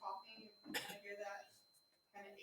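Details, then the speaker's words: Imitated single wet, gurgling cough with throat clearing, illustrating the wet cough typical of aspiration pneumonia. "usually there's like a wet cough sound when they're coughing"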